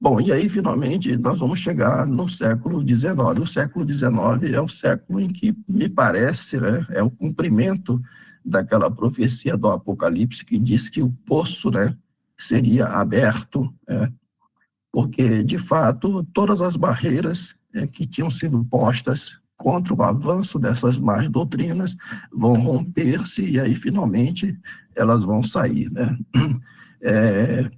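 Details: Adult male with spasmodic dysphonia treated with toxin injections; voice worse than at the previous recording as the toxin wears off 3–4 months after injection, with the next injection due in early July; spasmodic dysphonia.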